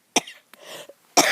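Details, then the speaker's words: Two short, dry cough bursts with a small throaty sound between them, from an adult woman talking while filming flowers outdoors; a cough. "maybe I'll just shut up and let this just let the film go but then you're going to hear me coughing"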